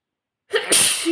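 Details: Sneeze: a short indrawn breath followed by a single sharp, hissing sneeze burst.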